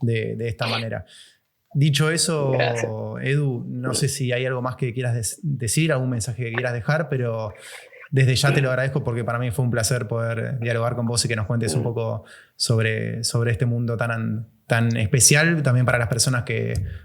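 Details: Adult man speaking Spanish; ordinary speech.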